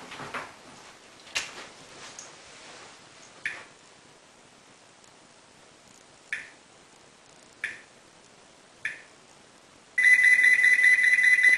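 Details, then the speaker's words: Faint regular ticks, then a loud continuous alarm from an Angelcare baby movement monitor after no movement is sensed for about six seconds, demonstrated by lifting the baby out of the crib. "I put my son in the bed just to demonstrate to you how this alarm works now I'll take him up and we'll see how long it takes for a sensor"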